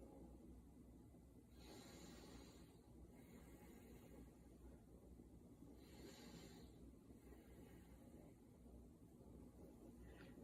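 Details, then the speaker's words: Normal breath sounds auscultated over the anterior chest of a healthy patient during a student nurse assessment, deep breaths: soft, even airflow, about two slow breaths, no wheeze or crackles; clear and equal bilaterally. "so again lung sounds were clear and equal bilaterally to all lobes so that sounds great"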